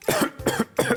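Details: Cough.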